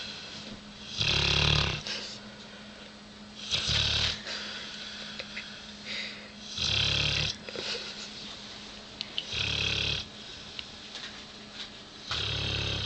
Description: the dog that coudn't stop snoring